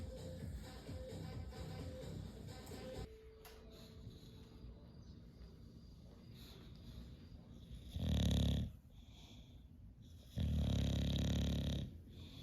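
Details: An English bulldog snoring while asleep: two loud, coarse snoring breaths after a short stretch of music.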